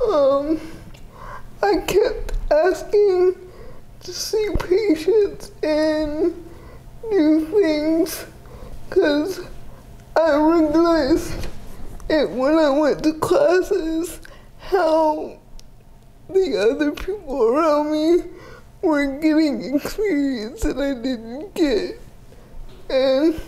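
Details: 30-year-old woman with GMFCS Level 4 cerebral palsy, quadriplegia with an athetoid component, affecting the speech muscles so speech may not be fully clear; dysarthria (cerebral palsy).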